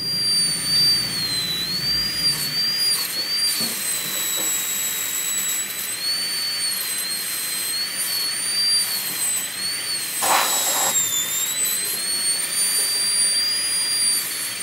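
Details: High-speed dental handpiece with a 330 bur making the initial amalgam-style cut of an MOD ceramic onlay preparation on tooth #18 of a typodont (simulated): steady high-pitched whine, slight pitch wavering under load.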